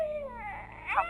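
A brief, soft, gliding vowel-like coo from an infant simulator, a normal contented baby sound.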